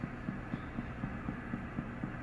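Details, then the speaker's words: NIM 3 nerve integrity monitor: soft steady low pulses about four a second over faint hum, the unit sending out its test signal with check-electrodes prompt; nerve monitor stimulation pulses. "that little pulse pulse faults that is the unit sending out a signal on here and trying to detect it sends it out check electrodes"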